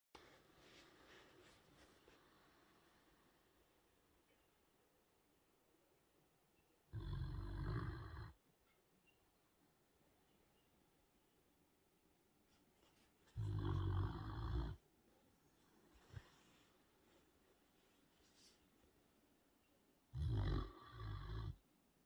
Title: Sleeping puppies, light snore